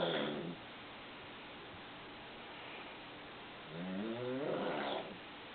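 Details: Adult man snoring loudly at night while asleep on vacation, likened to a mountain lion: two loud, rough, rumbling, growling, fluttering breaths separated by a quiet pause.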